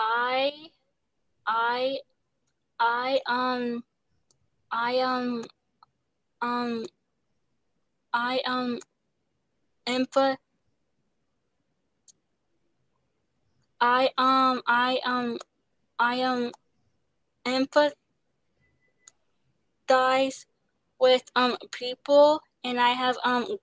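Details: Young woman who stutters, an actress, singer and dancer, in speech therapy; her stutter involves pauses, switching words and restarting; stuttering.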